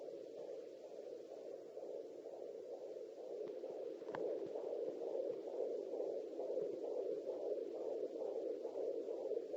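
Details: Fetal heartbeat heard at home with a pocket fetal Doppler (3 MHz probe) in a third pregnancy: a steady hiss with rapid, soft pulsing at about 130 a minute.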